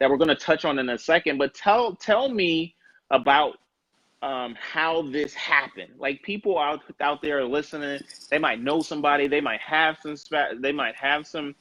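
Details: Adult male speaker; normal voice.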